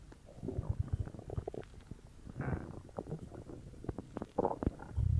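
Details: Ordinary stomach growling (borborygmi) after drinking cola: low gurgling and rumbling with bubbly pops as gas and fluid move through the gut.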